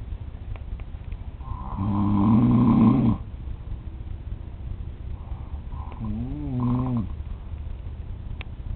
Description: Hey pplz on my trip to Florida, my dad wuz snoring like Craaazy! So i got up, got my camera and video taped him at 3:00 am.